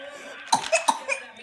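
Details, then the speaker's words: Young child gives three short, sharp coughs in quick series, each a brief voiced burst, in a quiet room, raising her arms while coughing; cough. "When you cough and you put them up, honey."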